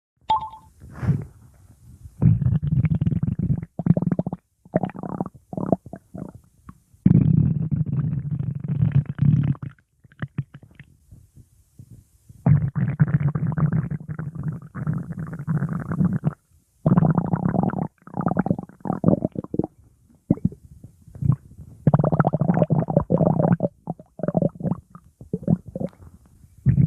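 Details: Repeated low gurgling and rumbling bursts from the abdomen while sleeping: ordinary stomach growling (bowel sounds).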